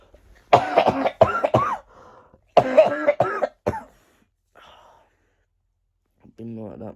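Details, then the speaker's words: A child on day 20 of a bad lingering cough that is now almost gone. Two bursts of three or four repeated coughs each, then a short voiced sound. "today I'm doing an update video on my cough I'm in day 20 of having a really bad cough or bad cough"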